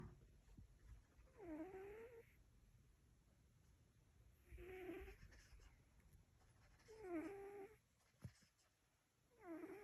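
Soft, squeaky nasal snoring sounds from a sleeping cat, about 25 per minute; ordinary sleep snoring.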